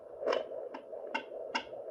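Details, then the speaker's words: At home at 20 weeks in a sixth pregnancy, a consumer fetal Doppler is used with aloe vera gel: regular whooshing pulses near 150 a minute over a steady hum, a strong normal fetal heartbeat. "that's what we need we have strong heartbeat oh my God [Music] okay so we found the baby's heartbeat"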